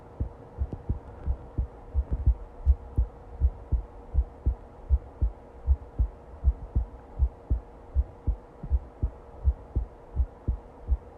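Steady low heartbeats at about 80 a minute over a faint constant hum.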